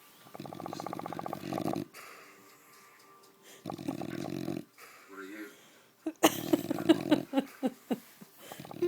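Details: Bulldog snoring while sleeping: buzzy, rattling snores, then sharp snorts and irregular noises close to the microphone.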